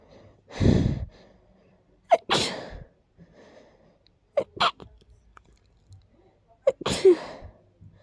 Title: Stuffy, sharp, sick sneezes